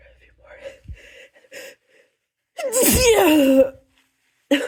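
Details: Induced sneezing with something held up the nose, which is getting stuffy: quiet catching breaths build into one loud, harsh sneeze, with the start of a second.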